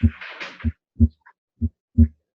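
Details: Harvey cardiopulmonary patient simulator in its normal setting, heard at the right upper sternal edge: clean paired lub-dub beats about 60 a minute, normal heart sounds; brief voice at end.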